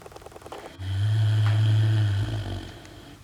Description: This is literally one minute of Angi the pig snoring, as she does.